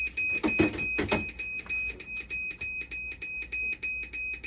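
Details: Dialysis machine alarm during repair of a persistent low flow error, with bulbs and boards being swapped: fast repeating high electronic beeps with some clattering at the start; dialysis machine fault alarm.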